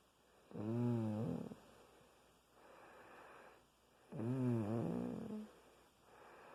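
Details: Snoring during sleep: two loud, rattling, buzzy inward snores, each followed by a softer breathy outbreath, at about 16 breaths a minute.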